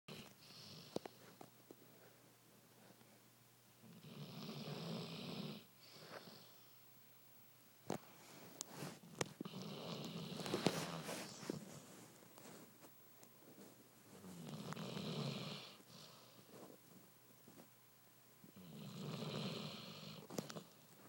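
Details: Very loud snoring from a sleeping Basset Hound: loud rattling snores on each breath, about four breaths in twenty seconds, with quiet gaps between.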